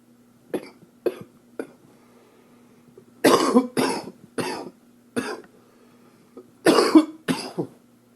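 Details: Cough from an upper respiratory infection (2013 recording): about nine coughs, a few short hacks then harsher, louder bursts.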